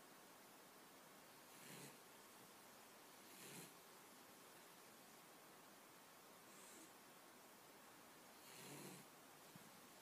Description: My Cat snores and dreams while taking a much needed cat nap.